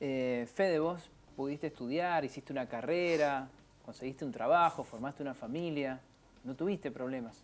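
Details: Adult speaker; typical speech.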